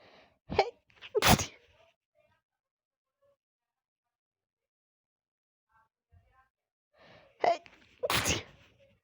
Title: sneeze attack out of nowhere